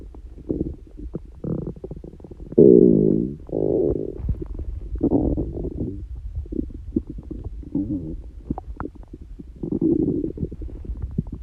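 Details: Stomach growling in a person whose stomach rumbles loudly by constitution, not hungry and without stomachache: low bubbling gurgles and drawn-out rumbles in irregular runs; ordinary bowel sounds (borborygmi).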